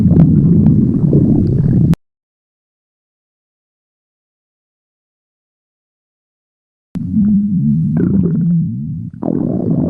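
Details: Stomach growling (borborygmi): low rumbling gurgles in two bursts separated by silence.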